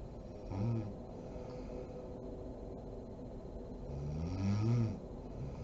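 Two low, rattling snores about four seconds apart from a sleeping adult, with steady room noise between them.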